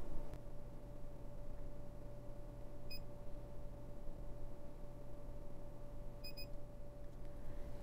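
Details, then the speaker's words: Dental curing light on a class 4 composite restoration of tooth number 10, demonstration on a prepared tooth: quiet room hum with a single short beep, then a double beep marking the 20-second light cure cycle after the strip is pulled over. "When they're satisfied, we'll pull the strip over to help shape the restoration, and we'll light cure again. And again, this one is for 20 seconds."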